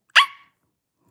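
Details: Involuntary bark-like vocal tic from an adult woman with moderate Tourette syndrome: vocal tic (barking), Tourette syndrome.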